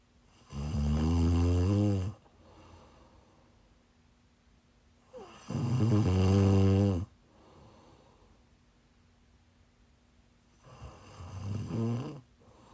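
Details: Snoring while sick, recorded during a live stream: loud, rough, vibrating snores on the in-breath, three in about 13 seconds, with quiet out-breaths between.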